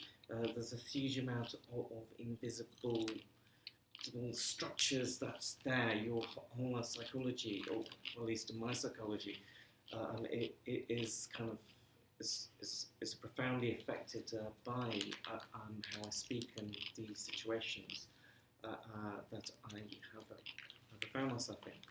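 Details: Stammering in an adult man who says he has been "breaking up" on the phone for 30 years; stammering.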